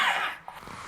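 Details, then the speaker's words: Man with a laryngectomy coughing through his stoma to clear mucus build-up: a breathy, voiceless burst of air that fades quickly. "then usually by 3 or 4:00 in the afternoon I start coughing more so I know it's building up with mucus and I have to do the same thing again to keep it clean"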